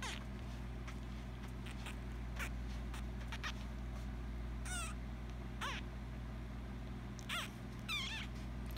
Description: While giving a feeding to our little orphaned squirrel we let you hear what he has to say.